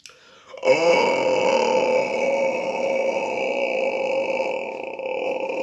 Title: Long burping for more than a minute げっぷ